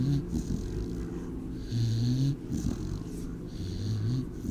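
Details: Gidget, female American Pit Bull Terrier mix at an animal shelter, snoring while asleep: low, steady, nasal rumbling snores with snorting catches, repeating every couple of seconds.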